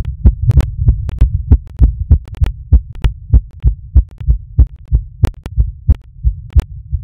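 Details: Rapid heartbeat recorded during masturbation.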